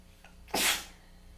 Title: Tickly, congested weather change sneezing fit